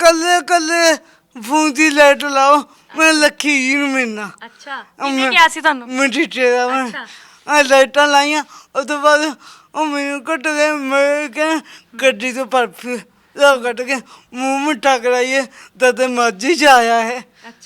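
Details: Speech impairment with stammering and unclear articulation in a young Sikh man with a disabled hand; the problem has been present since birth.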